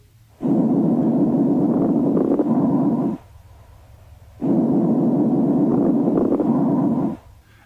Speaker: Crackles are intermittent, non-m musical, and brief like dots in time.